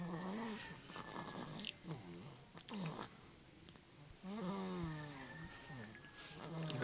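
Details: Repeated rough, vibrating snoring breaths with a squeaky, whistling edge on some breaths, during sleep.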